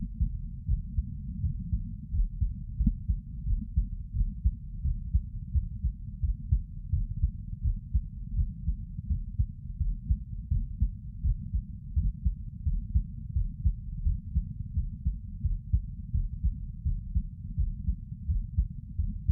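Steady low thumping heartbeat at about 86 beats a minute with a regular rhythm, under a muffled background hum; normal heart sounds.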